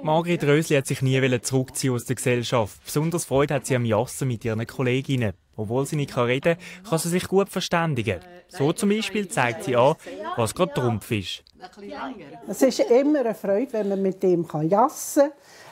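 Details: Adult narrator; no disorder.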